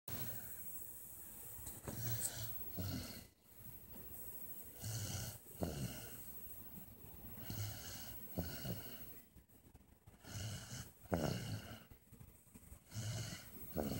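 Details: Young child snoring during nap time in repeated low, rattling bursts at a steady breathing pace.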